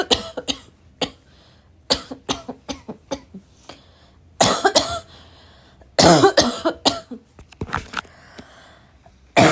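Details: A female coughing hard for about two minutes, with a raspy, barking cough attack, throat clearing and gasps; cough.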